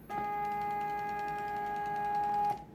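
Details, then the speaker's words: Homemade artificial respiration machine with adjustable flow and volume, no patient attached, running at minimum flow: steady mechanical hum with fine rapid ticking. "De plus, comme je vous ai dit, le débit il est variable. Là, je vais augmenter le débit."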